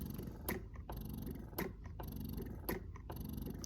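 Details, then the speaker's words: Slow rhythmic motor pulses with longer, deeper suction strokes: Spectra S1 breast pump switched to expression mode after let-down, cycle down to 54 per minute and vacuum up. "it does have a little bit longer and a deeper suction so you can see here that the cycle went down to 54 and the vacuum went up"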